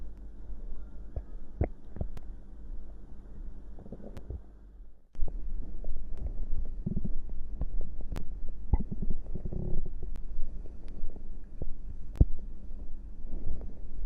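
Low, rolling gurgles and rumbles with irregular pops and squelches: ordinary stomach growling from gas and fluid moving through the gut.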